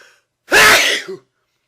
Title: A sneeze attack